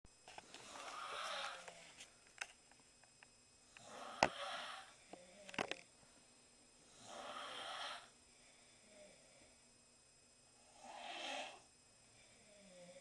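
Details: Light snoring from girls sleeping in the same room after a long night out: four soft, airy, noisy breaths about three seconds apart, no clear buzzing tone, faint room noise.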